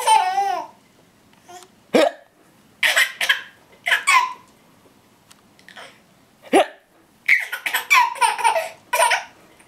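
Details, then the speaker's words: Person with hiccups: repeated short, abrupt voiced catches spaced a second or two apart among laughter-like sounds, fitting hiccups. "Yeah, hiccups are funny, aren't they?"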